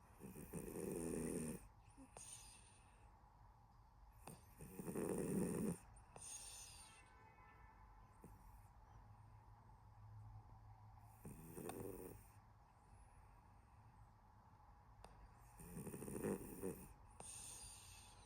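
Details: Soft, gentle snoring from a sleeping cat, about 14 breaths a minute, with quiet breathing between snores.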